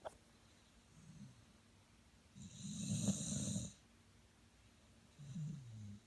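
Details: Old man snoring: one clear rattling inhaled snore with softer breathy snores before and after, in a quiet room.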